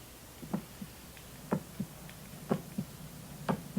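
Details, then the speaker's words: Normal heart sounds: regular paired lub-dub at about 60 beats a minute with no murmur between them. "That's a normal heart sound, right?"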